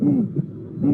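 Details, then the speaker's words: Aortic stenosis with musical quality: hooting, tonal systolic murmur falling in pitch each beat; real unfiltered auscultation with room noise, the patient's thorax acting like a musical instrument; rare finding. "It's only the results of natural transformation of sounds in musical sounds due to the fact that in that patient, the thorax is working like a musical instrument."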